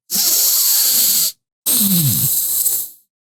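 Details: Self-check of airflow from each nostril by an adult with a deviated septum: two forceful nasal breaths, the first a smooth hiss, the second rougher with a brief whistling tone.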